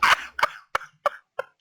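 A forceful burst followed by four shorter, fading explosive bursts in quick succession, a sneeze-like coughing fit.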